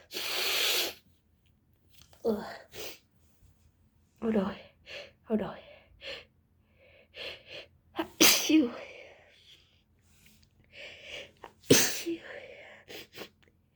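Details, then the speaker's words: Girl with a cold since yesterday, plus allergies, in a sneezing fit, sneezing into tissues that get wet: a run of forceful sneezes one after another, with sharp bursts and breathy exhales between. "I'm sneezing into tissues, but they're all getting wet."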